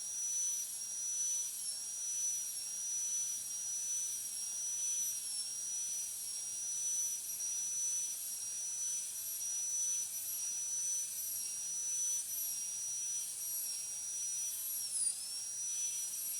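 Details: High-speed dental drill with a short tapering needle bur breaking the proximal contacts of tooth 46 in a metal-ceramic crown preparation demonstration: a continuous high-pitched whine dips briefly in pitch as it breaks off the thin enamel shell.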